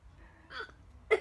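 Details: Child laughing at his own hiccups: a small giggle followed by a sudden sharp catch of breath, a hiccup.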